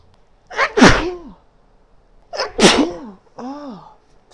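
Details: Adult female sneezing: two forceful sneezes, each a sharp intake then explosive burst, followed by a brief voiced sound, with talking and nose-blowing.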